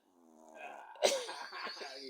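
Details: A single sneeze: a rising in-breath, then a sudden, explosive, hissing burst, with brief breathy sounds afterward.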